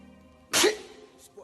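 One loud, explosive sneeze burst over background music and voices.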